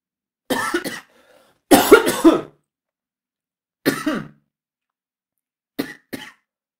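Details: Sound effect, acted by an adult: swallowing, throat clearing and coughing in four short bursts, as if choking on a swallow.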